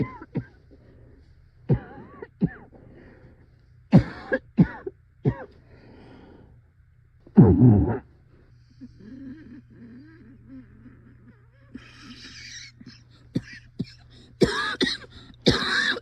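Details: Adult coughing fit, described as possibly the worst of their life: repeated sharp bursts with strained, whooping-like inspirations between them.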